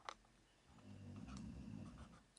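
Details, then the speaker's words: Snoring from a pet dog in a quiet small room: a sharp click, then a low, rattling rumble on a single drawn-in breath. "Can you hear my I got a dog that's snoring."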